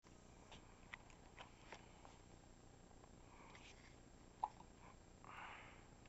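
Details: Infant girl with hiccups, cooing rather than upset and kicking her legs: a few soft, sharp hiccup clicks between faint cooing sounds in a quiet room.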